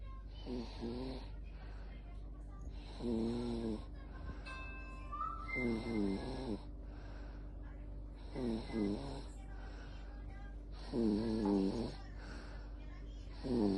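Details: Infant snoring: rhythmic rattling voiced snores on each breath, about five in 14 seconds, over steady background hum and faint music.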